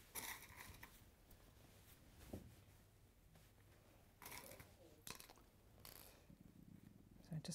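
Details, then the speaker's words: Low, drawn-out gurgling rumble from an adult's empty stomach, not yet eaten, with faint handling noises in a small room: stomach rumbling (borborygmi). "oh gosh sorry if you can hear my stomach i haven't eaten yet is that your tummy rumbling that's my tummy"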